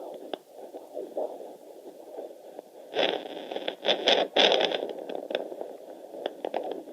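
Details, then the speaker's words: Fetal heartbeat on handheld Doppler at 155 a minute, fast whooshing with probe scraping, contrasted with slower maternal pulse; normal fetal heart rate. "That's baby. At 155, as you can see."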